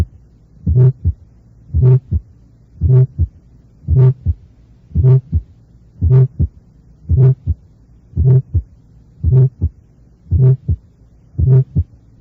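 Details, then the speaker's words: Still's murmur, an innocent systolic murmur with a characteristic vibratory timbre, heard with the stethoscope bell; maximal at the mesocardiac area along the left sternal border. "muchos de estos soplos inocentes tienen un timbre vibratorio muy característico repito el soplo deberá ser auscultado con el receptor de campana"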